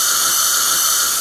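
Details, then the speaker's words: Steady high-pitched whine and hiss of a high-speed dental handpiece with a Z-cut diamond bur, used with gentle pressure, circular motions and lots of water to adjust the bite on cemented Empress porcelain restorations. "these zerat diamonds do a great job it's just so gentle on the Force One these are Empress Restorations and this diamond is being very gentle not generating a lot of"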